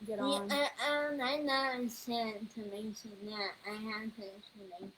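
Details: Speech disorder in a 21-year-old woman, found on neuropsychological evaluation alongside level 2 autism, anxiety and a needle phobia.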